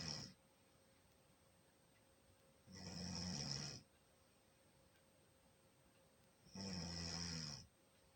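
Rough, rattling snores on each breath in, roughly 15 to 17 a minute, with quiet pauses between; snoring.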